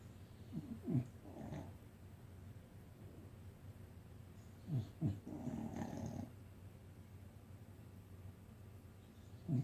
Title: Treasure snores